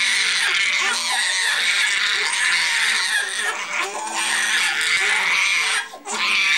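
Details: Twins, 7 months of nightly crying: loud, continuous high-pitched wailing from two infants crying at once, with brief pauses for breath.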